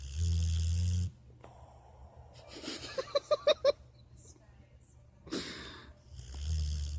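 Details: Rocket, a sleeping animal, snoring like Darth Vader breathing: deep rumbling snore breaths, one ending in a run of short rasping snorts, then another loud snore; snoring.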